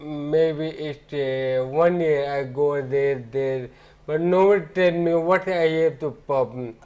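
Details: Ataxic dysarthria in an adult man with ataxia, symptoms beginning around 2007, about a year after marriage.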